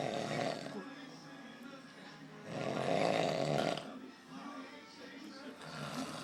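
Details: Man snoring horribly: loud, rough, drawn-out snores with music and room noise behind.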